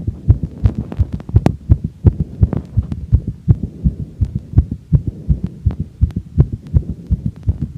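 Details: Woman's heartbeat after exercise, rate from a heart-rate monitor watch, 203 falling to 160 bpm: rapid, regular low thumps at roughly 160–170 a minute under soft hum, faint recording, sinus tachycardia.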